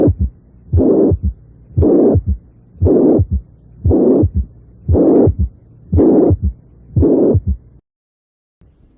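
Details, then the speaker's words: Recorded (Merck) mitral regurgitation at the apex, about 58 beats a minute: loud systolic murmur plus an added third heart sound; mitral regurgitation with third heart sound. "si la insuficiencia mitral es relativamente grave suele haber un tercer ruido"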